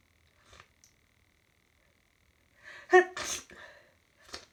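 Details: Hay fever sneezing, ongoing for about an hour with a stuffy nose: a quick intake of breath, then one forceful voiced sneeze with a hissing burst of air and a softer sound after.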